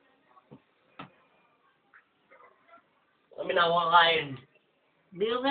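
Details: Two-month-old baby boy, hungry but refusing the bottle: soft fussing sounds, then loud wavering wails, a typical infant hungry cry.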